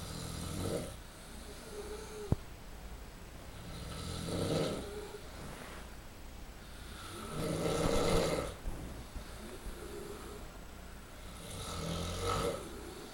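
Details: Men snoring while sleeping on the floor of a room in a Korean farm home: slow, rhythmic, rasping snores, about one every four seconds (roughly 15 a minute), in a quiet room. Ordinary snoring.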